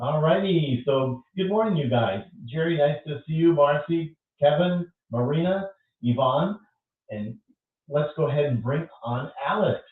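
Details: Adult male speaker; typical speech.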